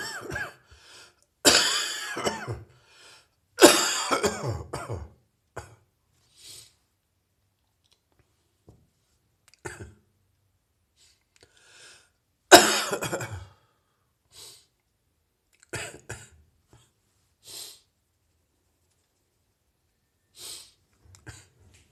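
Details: Adult with a lingering heavy chest cold: several heavy, wet coughs with quieter breaths and throat sounds between; productive chest cough.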